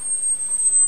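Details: A steady high-pitched pure tone under a second: an 8 kHz hearing-test tone.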